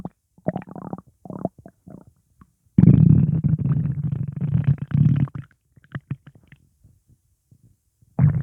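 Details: Bursts of low gurgling and a long rolling rumble with short bubbly pops; upset stomach rumbling, which the person attributes to gas after eating pizza; borborygmi.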